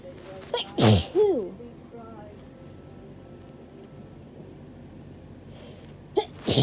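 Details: Two sharp, forceful sneezes, each preceded by a quick breath in and separated by a quiet pause; hay fever sneezing.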